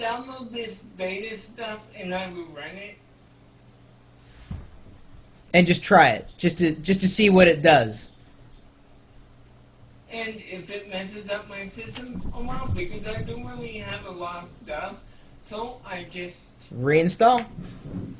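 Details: 32-year-old man with cerebral palsy speaking in real conversation; dysarthria (cerebral palsy).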